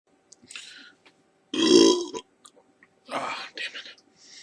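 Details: From a burp compilation: a loud, voiced belch lasting about half a second, followed by a shorter rough burp and quiet breathy sounds.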